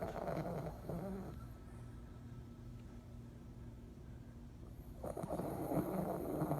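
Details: Sleeping: soft, rough snoring breaths at the start and end with a quieter pause between; gentle ordinary snoring.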